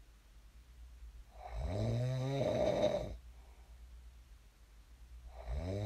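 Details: Sleep snoring recorded for ASMR: long, loud, fluttering snores rising in pitch on each inhalation, with quieter breathing between; ordinary snoring in a sleeper who snored and later woke up.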